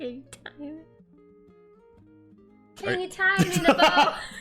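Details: Adult with adult-onset Tourette syndrome that began around September to October, first with involuntary neck tensing; repeated phrase as a vocal tic, its end hard to tell; vocal tic (Tourette syndrome).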